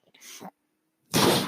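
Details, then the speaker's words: The speaker's own mechanical ventilator, heard during a spoken podcast recording: short hissing bursts of rushing air, then a pause and a louder gust, the mechanical ventilator sound of delivered breaths. "hello everyone my name is brynan mark that noise you're hearing is my ventilator"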